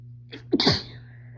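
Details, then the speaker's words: Female announces she is going to sneeze: a short breathy intake followed by one sharp, explosive sneeze, an ordinary sneeze. "Sneeze. I'm gonna sneeze. I'm gonna sneeze."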